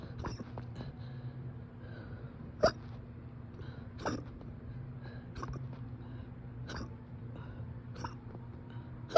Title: persistent hiccups